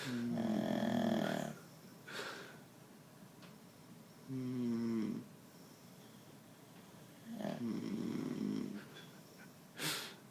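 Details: Two sleepers snoring: loud, buzzing snores on the in-breath, with quieter breaths and a few soft clicks between them; ordinary snoring.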